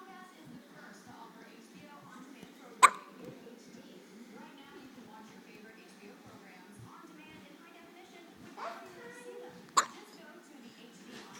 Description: Our child has hiccups